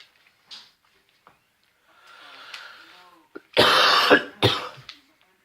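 Soft throat noises and breathing, then two loud harsh cough bursts in quick succession; a plain cough during illness.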